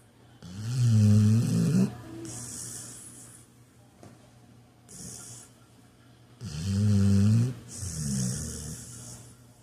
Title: this pup is snoring like he done put in a full day of work